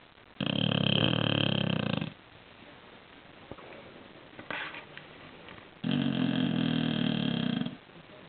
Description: bruce the snoring bulldog